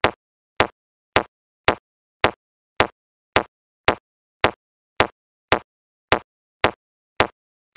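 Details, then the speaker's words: Sharp regular metronome clicks at about 107 a minute from a Mindray BeneHeart C1A semi-automatic AED, pacing CPR: prompt to follow the metronome for 30 compressions and two rescue breaths. "start CPR immediately follow the metronome to give 30 compressions and two rescue breaths"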